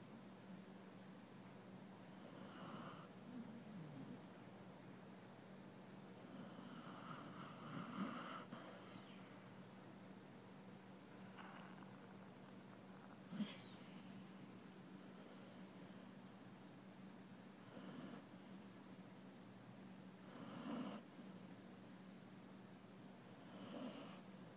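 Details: Sleeping pet cat snoring: soft, rhythmic snorting snores repeating every few seconds over a steady background hum.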